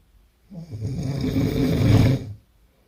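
A single loud, rough, rattling snore about two seconds long, low and vibrating: heavy snoring.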